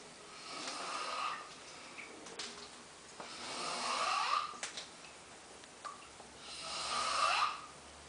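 Three rasping, whistly snores, about 20 breaths a minute, with faint clicks between breaths.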